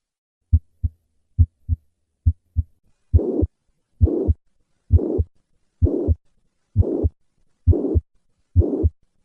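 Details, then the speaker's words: Mitral regurgitation: three normal beats, then a holosystolic murmur of constant intensity filling the gap between first and second heart sounds; heard best at the apex, patient in left lateral position. "the constant intensity of the mitral regurgitation murmur is a result of the persistent pressure gradient between the left ventricle and the left atrium throughout systole"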